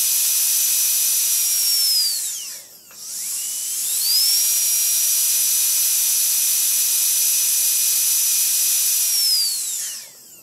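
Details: Dental drill sound-effect recording with various runs and stops: high-pitched whine winds down, stops briefly, spins back up to a steady pitch, then winds down again.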